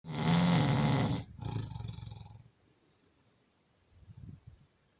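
One loud, deep, roaring rattle that fades into a weaker breath, then near silence; resembles a heavy snore.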